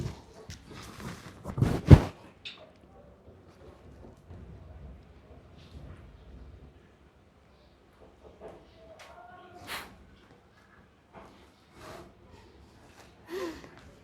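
An actor imitates snoring: a loud snorting snore, then fainter, low rumbling snores about every four seconds.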